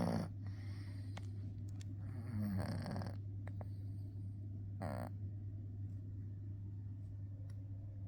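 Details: Female cat asleep during a full nap, snoring with rough, rattling snores over a steady low hum a few breaths apart; snoring.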